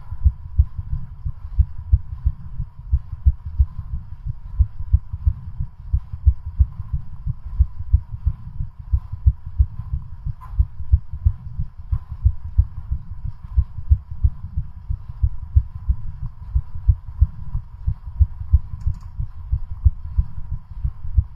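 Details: Heartbeat during a stress test on a home exercise bicycle, pushed until exhaustion: rapid, regular heart thumps throughout, exercise-induced tachycardia as a normal response to exertion.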